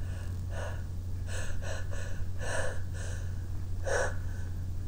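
Several short, muffled huffs and snorting gasps over steady low hum; held-back, stifled sneezes.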